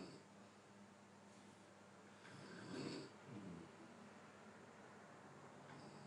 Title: snoring sound clip 2 mns